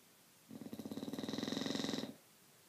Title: snoring